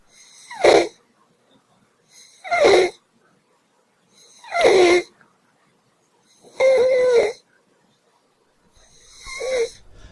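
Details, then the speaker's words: Harsh, high-pitched crowing stridor on each inspiration, about 30 breaths a minute, in a child being assessed for pneumonia; stridor comes from swelling of the upper throat and is dangerous when the child is calm. "Stridor occurs when there is a swelling of the upper part of the child's throat. A child who has stridor when calm has a dangerous condition."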